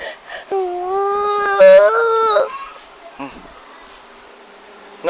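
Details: Young child loudly wailing and sobbing as father says goodbye and leaves for work, told to wait for mommy; drawn-out upset crying with sobbing catches, then quieting.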